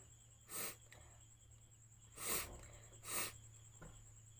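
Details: Sneezes set off by sniffing chili powder in a sneezing challenge: three short, breathy bursts over a steady background hum.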